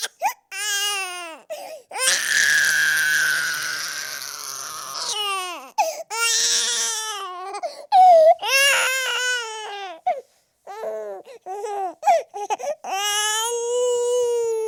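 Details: Baby boy crying, offered as a sound effect: loud, long bouts of intense high-pitched crying with breaks for breath and wailing rises and falls.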